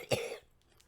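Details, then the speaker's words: A single short, sharp cough with a throat-clearing quality from a woman with cystic fibrosis. She describes herself as a chronic, heavy cougher. It is heard during a podcast, followed by quiet room sound. "so if you do hear it that's why she has cystic fibrosis and it will pop up once in a while in the podcast"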